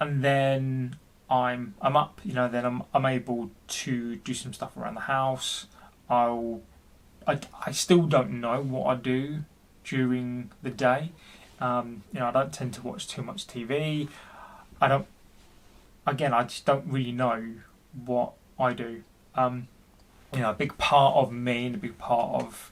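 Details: Adult man about 40 who stammers and reports intense depression for which he has seen his GP; stuttering.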